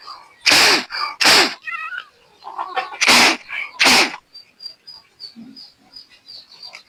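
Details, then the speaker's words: Four sharp, forceful sneeze-like blasts, then soft chirps, from a chicken with ngorok (snoring respiratory illness), clearing thick mucus from blocked nostrils; sneezing with nasal mucus. "Jadi kalau ayam tidak bisa mengeluarkan lendirnya, panjenengan kori. Contohnya seperti ini. Terus lubang hidungnya ditiup karena ada lendir yang menutupi rongga hidung."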